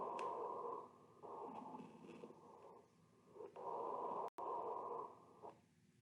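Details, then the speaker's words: Coarse crackles: noisy breath cycles with bubbling, popping sounds on inspiration, from breathing through mucus or fluid in the large airways; teaching audio sample of adventitious lung sounds. "It occurs when the patient breathes through mucus or fluid in the large airway."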